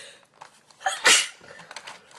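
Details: Japanese girl sneezing: a short intake of breath, then one sharp, hissing sneeze burst; a single sneeze.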